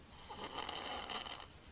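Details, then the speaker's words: Home video from February 2009 shown at a patient education meeting of a sleeping infant holding his breath: a single noisy, rasping breath, snoring. "okay this is a picture of holding his breath right now he's snoring"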